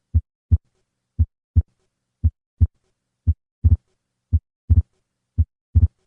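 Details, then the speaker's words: Atrial septal defect, heard best at the second left intercostal space with the patient sitting up: a fixed split second heart sound with a grade 2–3 systolic flow murmur across the pulmonic valve. "The murmur and the fixed splitting of the second heart sound are usually heard best at the second left intercostal space with the patient sitting up."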